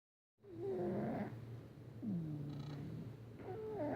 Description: This is our Cat "Patches" snoring. He's cute, cuddly but makes a lot of noise when he sleeps lol!